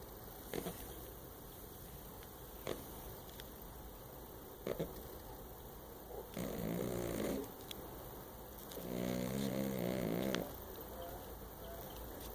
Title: SNORING CAT!!!!😂